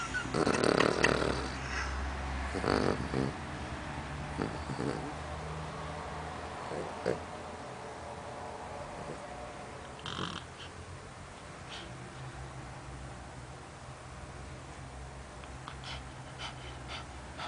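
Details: 15-year-old poodle snoring while asleep: soft, rough, rhythmic breathing noises with some louder snorts near the start; snoring.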